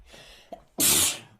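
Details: A girl, in a sneeze compilation, takes a soft breath in, then gives one sharp, hissing sneeze burst that fades out.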